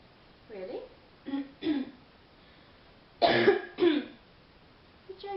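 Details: Real, unacted chesty cough from a woman during a phone call, said to be worst at night when lying down: bad, deep coughing fits interrupting her conversation.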